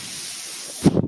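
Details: Mechanical ventilator breath cycles heard behind a man speaking on a podcast; he identifies the noise as his ventilator.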